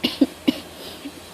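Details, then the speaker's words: Three quick, short coughs in a row in a quiet room, during a fruit-eating mukbang of rambutan and mangosteen. "Sorry batuk-batuk sebab Berapa hari suruh coba kan dibuat Reza"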